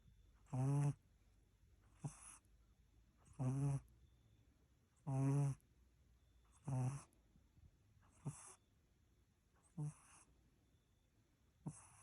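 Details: Dog (Milo) snoring: repeated low, rattling snorts, some long and some brief, about every one to two seconds in a quiet room.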